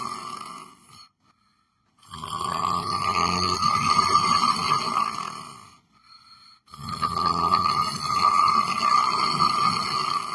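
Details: Person sitting on a chair, asleep: loud, rough snoring on long breaths, about two cycles with brief quiet pauses; ordinary snoring during sleep.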